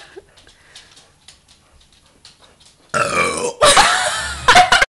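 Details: Person trying to make themselves burp, saying it burns: faint background sounds, then a loud, long belch broken into a few rough bursts.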